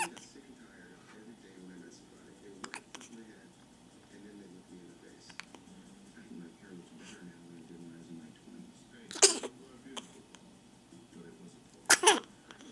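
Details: Two sharp, explosive sneeze-like bursts over quiet room noise and faint murmured talk, in a recording of someone said to have hiccups; sneezing.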